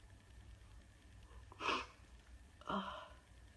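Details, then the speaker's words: Person with a lingering bad cold who says their nose tickles: two sharp, explosive sneezes about a second apart over low room noise. "I just feel like I'm gonna sneeze. This tickles."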